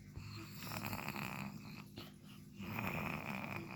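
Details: Snoring: rough, rattling breathing through most of the clip with a brief pause, in a quiet room.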